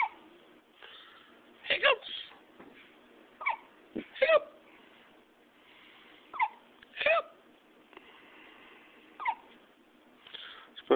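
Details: Young baby boy with hiccups, body jumping with each: repeated short, abrupt hiccups about every two seconds, with soft fussing between them.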